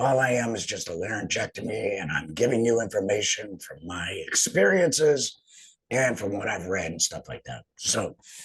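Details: Adult male, total laryngectomy about two and a half years earlier for cancer treated with chemotherapy and radiation, uses an HME, apparently esophageal speech; stoma hurts after heavy talking; alaryngeal speech after total laryngectomy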